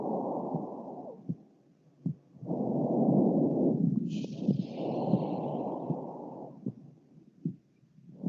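Loud, rough, dry breath noise in long repeated cycles with a few faint clicks, consistent with harsh breath sounds.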